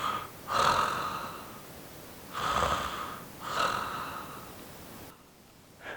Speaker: öffnen sie dazu ihren mund und machen sie ein schnarchgeräusche